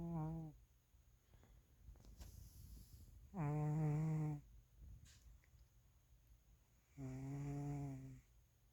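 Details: Snoring from a cat napping deeply, said to be the loudest snorer of the household's cats: loud, tonal, buzzing snores on slow breaths, about 16 a minute.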